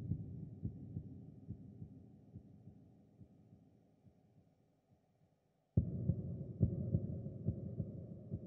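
Low dull thumps at about 70 a minute that fade out, then restart; an ambient sound-effect heartbeat.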